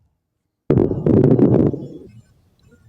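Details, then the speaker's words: A lung sound played in an EMT lung-sound recognition quiz: a single breath carrying many brief, wet, moist popping sounds; crackles (rales). "with all due respect five star and cfr end rails and crackles are the same thing yes they're both described as wet and white moist"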